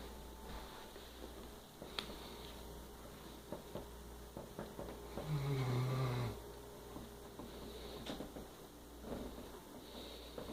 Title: Creed the Great Dane snoring